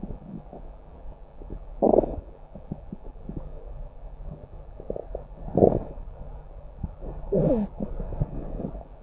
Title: Stomach growl